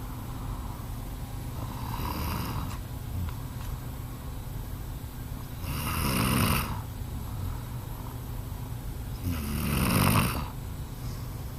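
Rough snores about every four seconds, around 15 a minute, over constant low rumbling background noise.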